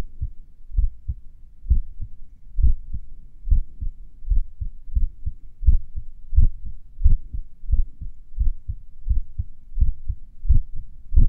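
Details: Heartbeat recorded a few minutes after morning exercise: about 88 per minute with pauses between beats that lengthen and shorten, sinus arrhythmia during recovery.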